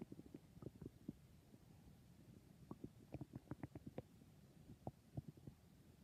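Quiet bubbling clicks and gurgles from the belly coming in small clusters; ordinary stomach growling.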